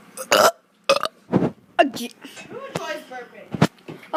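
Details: Kid burping on purpose: several loud, voiced belches with brief pauses, followed by some talking.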